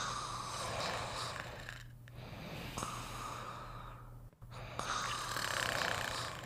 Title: Fafa and Beethoven Sleeping and Snoring Together